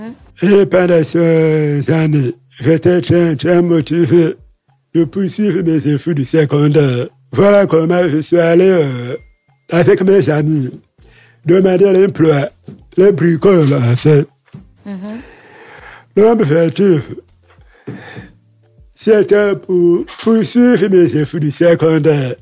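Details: Deaf speech in a man who lip-reads, whose hearing loss followed a childhood illness; he says his voice has not been normal since then, speaking French.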